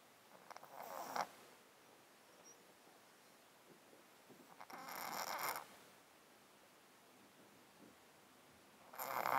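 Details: Close-up mic recording of a cat sleeping in a box with a 13-year underlying disease that makes him snotty and sneezy: slow, wet, snuffly rattly nasal breaths about 15 a minute, congested nasal breathing.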